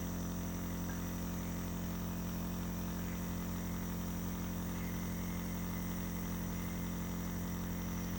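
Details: Nebulizer compressor running while a mother gives her ill young daughter nebulized medicine through a mask for a winter cold.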